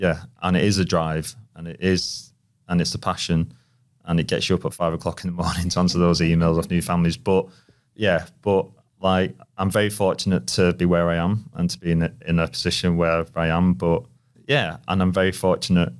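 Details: Stuttering in an adult male, present since childhood and persisting, with repetitions, prolongations and blocks.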